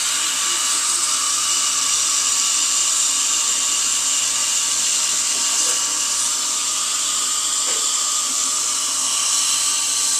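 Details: High-speed dental drill with air and water spray preparing a tooth for a bonded white filling, final stage of drilling; steady, continuous high-pitched whine with spray hiss.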